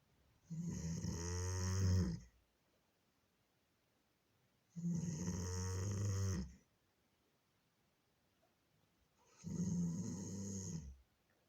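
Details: Djana, a 9-year-old female Doberman, snoring very loudly: deep, rattling snores in long drawn breaths, about 14 a minute, with quiet gaps between; dog snoring.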